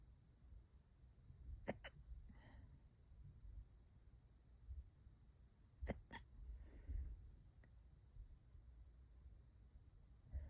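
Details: Hiccups that have lasted for hours and keep getting worse: sudden, short hiccups, often in pairs, about every four seconds in a quiet room.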